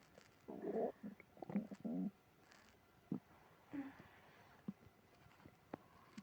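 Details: Upset stomach after eating ice cream: gurgling, rumbling bursts with short squeaky gut noises between quiet gaps: loud stomach growling (borborygmi).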